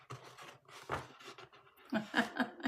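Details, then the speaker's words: Short, breathy, rasping snorts repeat close together in a quiet small room: an old female dog snoring. "You can hear my cute little puppy snores. She's actually an old dog."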